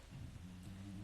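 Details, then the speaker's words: Low, rumbling, steady snore from a sleeping female dog with noisy breathing, described by her owner as a total airway patient; snoring. "hey no snoring please for those of you that are into airway she is a total airway patient"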